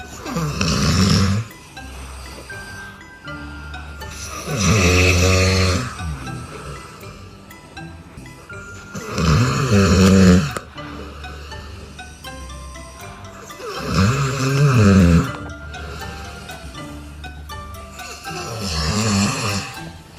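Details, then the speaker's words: Parents snoring, recorded by their child who cannot sleep: loud, rattling snores about every five seconds, roughly 13 a minute, over soft background music. "Lihatlah bocah ini dia merekam dirinya saat dia tidak bisa tidur akibat suara ngorok dari kedua orang tuanya yang bikin dirinya tidak bisa tidur"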